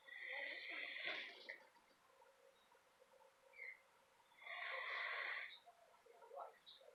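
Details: A sleeping dog snoring: two long, raspy, whistling breath noises about four seconds apart.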